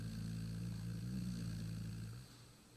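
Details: Snoring from a sleeping 1.5-year-old Pitbull, recorded at night: one loud, low rumbling snore on a single breath that fades out at the end.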